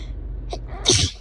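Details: Deliberately induced sneezing in a small animal: a faint sniff, then one short, hissing sneeze.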